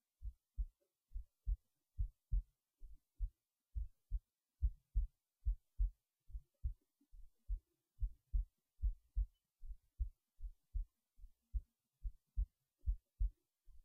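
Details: Heartbeat recorded late at night while resting in bed before sleep: soft steady paired thumps at about 71 beats a minute; normal resting heartbeat.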